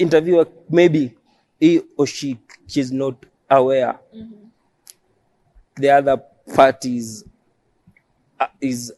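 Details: Adult male who stammers, self-described as neurological and present since birth; stuttering.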